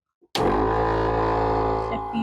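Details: A motor starts abruptly and runs with a steady low drone and hum: a home suction machine switched on with the port on the unit covered, during a leak and suction-pressure troubleshooting check.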